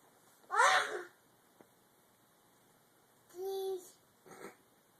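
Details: A loud sneeze-like burst, then a shorter voiced sneeze sound and a faint third one; a child imitating his grandmother's sneezing.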